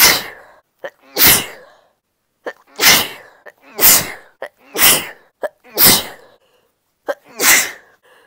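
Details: Female sneezing bout: seven forceful sneezes in quick succession, each preceded by a short sharp intake of breath.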